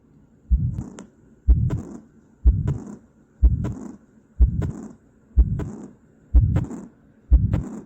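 Regular heartbeat around 62 per minute with a loud merged extra low sound in diastole, a quadruple-rhythm summation gallop where third and fourth sounds fuse.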